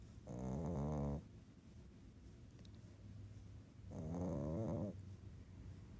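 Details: Pug snoring at night, with scratching sounds: snoring.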